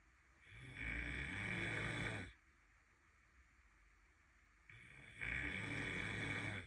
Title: It’s not even that loud #relatable #snoring #youtube #trending #comedy #goneviral #tiktok